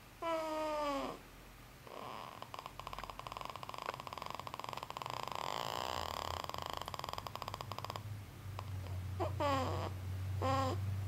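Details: Long, steady rattling breath noise through most of the clip, with a few brief voiced squeaks around it; snoring.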